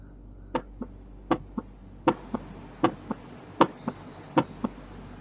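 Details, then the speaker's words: Third heart sound (S3) auscultated with the stethoscope bell over the mitral area: regular heartbeat near 78 a minute, each paired strong sound followed by a softer early diastolic third sound. "Auskultasi bunyi jantung tambahan. Bunyi jantung S3. Dengarkan dengan menggunakan bel stetoskop pada area mitral."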